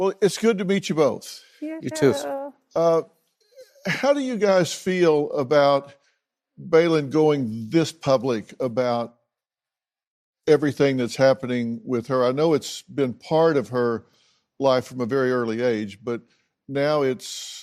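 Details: Adult man speaking; normal speech.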